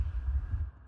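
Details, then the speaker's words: Recorded heartbeat of an adult, taken by pressing a microphone to the chest; deep, muffled, very low-register thumps with a faint background hum, used as a bass sound in a music track. "That's my heartbeat. And then you can hear it again in Am I Crazy?"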